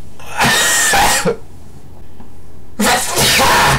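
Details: Sneezing challenge after taking ground black pepper, recorded on a distorting camera mic: two loud, explosive sneezes with a sharp onset, separated by a short pause.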